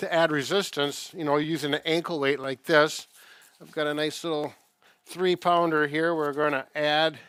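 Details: Adult man speaking; ordinary speech.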